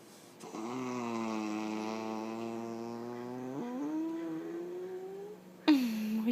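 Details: Puggle after spay surgery, at home: a sustained droning whine with a steady pitch; post-operative vocalization.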